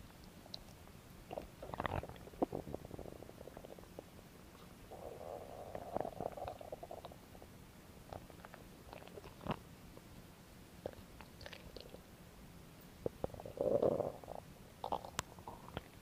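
Quiet gurgles and low rumbling bursts from the belly, with soft clicks between them; ordinary stomach growling.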